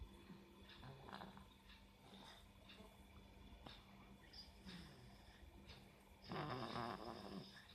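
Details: Soft, rattly noisy breathing ending in a louder snorting breath from a 4-month-old baby; infant snoring.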